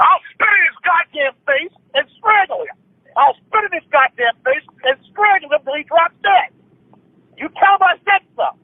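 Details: Palilalia: immediate repetition of a phrase after its first utterance, in spontaneous angry speech.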